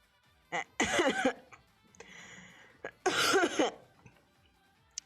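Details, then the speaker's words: An adult streamer who is coughing a lot and says they cannot talk properly, so is resting their voice: cough. "my uh i'm coughing a lot and i can't talk properly as you can hear so i rather rest my voice for later than try to strain myself right now"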